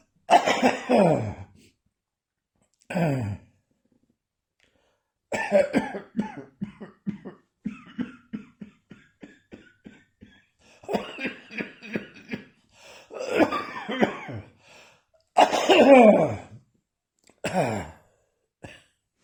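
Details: A cough that has returned: repeated bouts of voiced coughing, with short runs of rapid coughs between louder harsh bursts.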